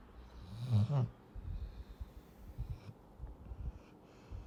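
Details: Cane Corso puppy sleeping comfortably: one loud, low, snorting snore, then softer, low, rumbling breaths.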